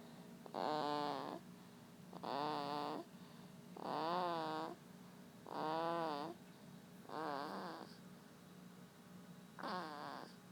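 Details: Snoring from Walt, a sleeping animal: rhythmic, whistly, tonal snores, about six in ten seconds, in a quiet room.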